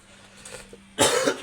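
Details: Quiet room with faint hum, then one sudden harsh cough at the end.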